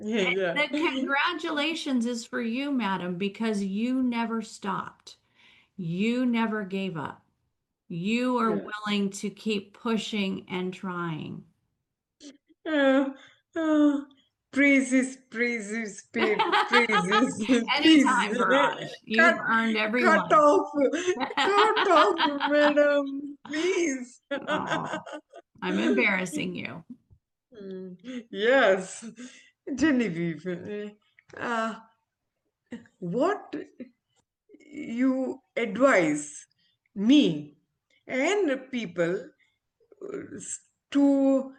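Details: Adult woman, a former ophthalmologist, with aphasia after a stroke, still recovering her speech with a speech-language pathologist. Aphasia.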